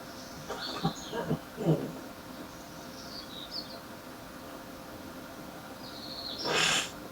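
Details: A man gives a heavy morning smoker's cough: three low, muffled coughs, then after a pause a harsh hawking and spitting sound.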